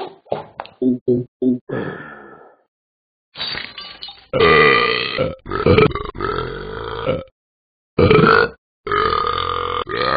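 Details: A Talking Ben the Dog app sound of an animated dog, not a real animal: quick short belches, then several loud, drawn-out burps with pauses between; repeated burping.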